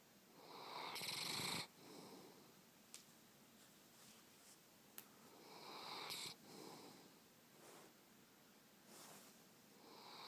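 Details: Sleeping with tongue out, snoring: soft, airy breaths rise and fall in a slow rhythm, with two louder hissing snores, in a quiet room. Light snoring during sleep.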